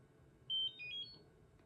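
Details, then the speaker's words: At-home Nira Pro skin laser used around the eyes: a few high electronic beeps, the last held longer, signalling a completed session of 10 pulses in a row. "That means that you have done a full session when you hear that beep. That means you've done 10 in a row."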